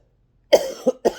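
A harsh cough burst followed by two shorter coughs, three in all, in a quiet room.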